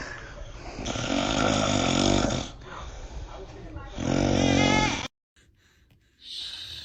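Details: Dad snoring, baby reacting: loud, rough, rattling snores in long breaths with brief pauses between them and some background noise.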